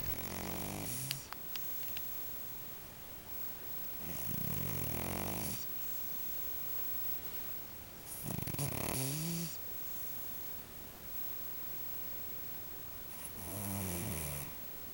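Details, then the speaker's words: Giant pet cat snoring like a grown man while asleep, exhausted: loud, low, rattling snores with each breath, roughly every four seconds, over a quiet room. "She feels so bad right No. I can't believe it. He snores like a human."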